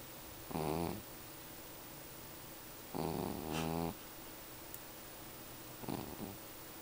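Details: A cat snoring in her sleep: a few short, buzzing, vibrating snores, some doubled, against a steady hiss.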